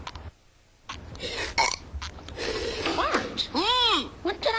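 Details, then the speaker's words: Cartoon soundtrack belching during a burp contest: a long, loud, rumbling burp with voices around it, played for comedy. "Bart are you burping again maybe what is it with this burping Why what's the thrill it's fun it's crude it's vulgar it's impolite"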